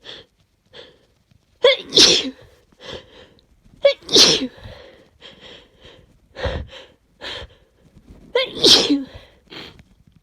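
A fit of sharp, explosive sneezes, three loud ones among smaller sniffs and catches over about ten seconds; repeated sneezing.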